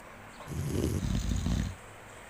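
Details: Monkey sleeping, with a single low, fluttering snore lasting about a second over quiet background noise; snoring.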